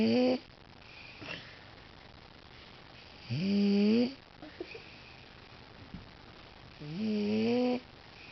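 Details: Snoring from a person asleep: two long, rising, voiced groaning snores about four seconds apart with a tonal, moaning quality, separated by quiet breathing.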